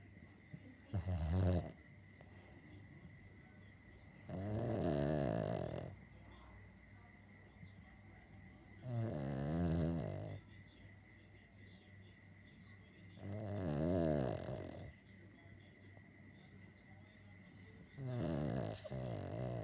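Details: Dog snoring: loud rumbling snores about every four to five seconds, roughly 14 a minute, with quiet breathing between; steady soft hum in the room.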